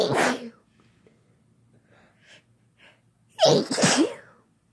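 Two loud, explosive sneezes separated by quiet breathing and faint sounds; ordinary sneezing.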